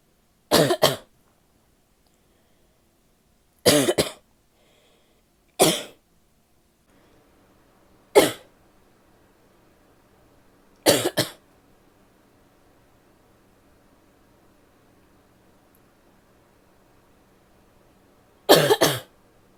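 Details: Six loose, wet, forceful single barking coughs from an adult woman; wet barking cough.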